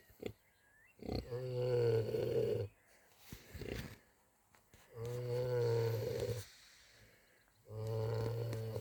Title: Winston and Boris snoring happily on a warm spring evening @RheanbreckCroft